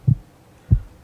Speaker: wow I hear your heart he said excitedly it sounds like this blue ldub ldub